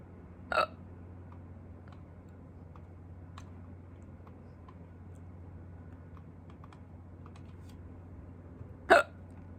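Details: Two sharp, abrupt adult hiccups about eight seconds apart over quiet room hum, recorded during a person's first bout of hiccups in a long while.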